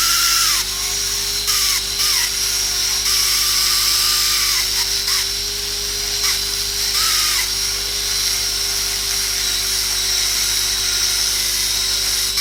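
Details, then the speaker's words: Steady high-pitched whine of an air-driven dental handpiece, with brief pitch dips as the bur meets tooth, while preparing the proximal box of a cavity with tapered, flared walls. "The walls are tapered. I am preparing the proximal box now."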